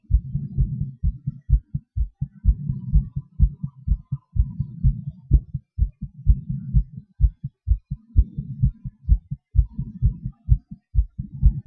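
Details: Self-recorded heartbeat during breath-holds and panting/hyperventilation: loud, low paired thuds, pace shifting between faster and slower stretches, with some rumbling breath noise; heartbeat with rate changes.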